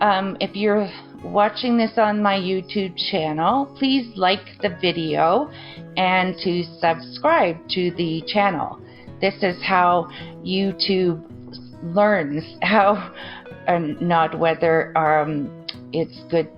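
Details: Broca's aphasia after stroke injuring the Broca region; comprehension of speech and reading intact; halting speech from instant self-correction, sound-based word substitutions, frequent word-finding failures; worse when tired, in the evening and with new topics.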